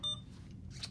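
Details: Alaris IV infusion pump beeping once on a keypad press while a secondary infusion is programmed (ceftriaxone 2 g in 50 mL over 30 minutes, 100 mL/hr): one brief electronic beep over low room hum.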